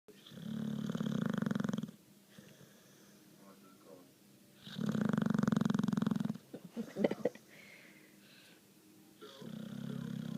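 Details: Dog snoring while asleep: loud, rough snores on the in-breath, about three breaths in ten seconds, with quieter breathing between them.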